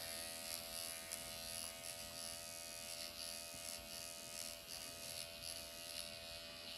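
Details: MD Needle Pen microneedling at 1 mm depth on the practitioner's own forehead, with hyaluronic acid; mild erythema, no pain felt. Steady high-pitched motorized buzz in a small room, faint pulsing as it moves over skin.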